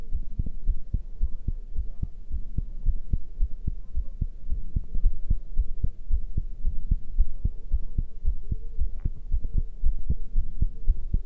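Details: Heart sounds after exercise: fast, regular low thumps at roughly 110 beats a minute over a soft hum, a quickened heartbeat.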